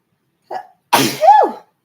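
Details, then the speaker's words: Person says they have to sneeze, then a short intake and one explosive sneeze with a voiced trailing cry in a quiet room, and afterwards feels another sneeze coming; sneezing. "oh I got to sneeze excuse me y'all I think I'm gonna have to sneeze"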